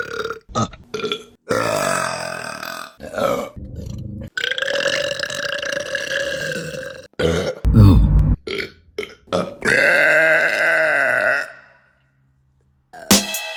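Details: Women burping in a compilation, with a run of loud, drawn-out belches, some long and tonal, separated by short pauses.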